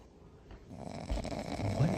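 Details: Snoring from a sleeping male dog.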